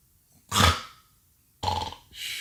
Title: Snoring Prank On Baby She Won’t Stop Looking At Me😂